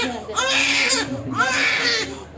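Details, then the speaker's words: Newborn baby girl during ear piercing with a piercing gun: two loud, strong wails in quick succession, a startle-and-pain cry after the second ear is pierced, settling afterwards; infant crying. "kabila Ayan umiyak ang baby kag hinihika nagugulat lang ang pain niya kasi bigla hindi mararamdaman niya after mainit hintay nga"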